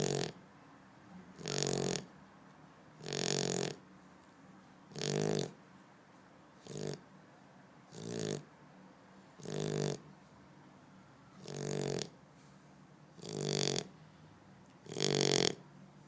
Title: Malo / Shar-pei snoring.